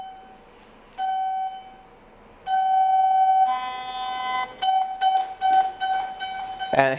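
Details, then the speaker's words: Return electrode alarm on a Heal Force EB03 electrosurgical generator just switched on with the pencil and plate connected but the plate not yet attached to the patient: steady high tones, then faster repeating beeps. "because we have not attached this plate to the patient and now I will attach it to the skin"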